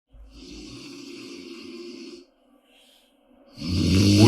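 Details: Adult woman (a mother) snoring in sleep: a long, buzzing snore, a brief quiet gap, then a louder, harsher rattling snore; loud snoring.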